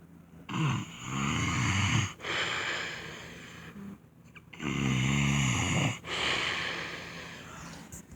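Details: Adult husband snoring, who denies he snores: loud, harsh, rumbling snores with each breath, about two cycles in eight seconds, in a quiet room; snoring.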